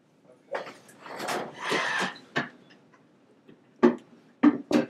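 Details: Breathy rushes of air, then a few sharp, quick pops in close succession: joint cavitation from a chiropractic adjustment targeting T1 (upper thoracic) in a man with two years of neck pain and left arm pain, on his second visit.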